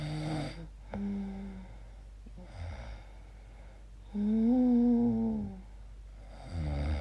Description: Here’s how I sound when I sleep. Very strange noises.